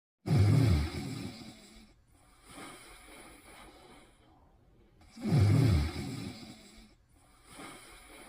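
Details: Two loud, low, rattling snores about five seconds apart, each followed by a softer outward breath, roughly 12 breaths a minute; snoring.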